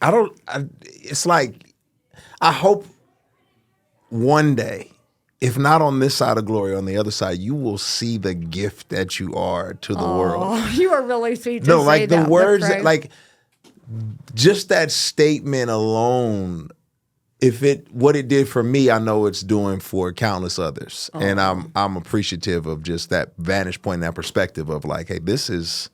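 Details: Adult man speaking; ordinary speech.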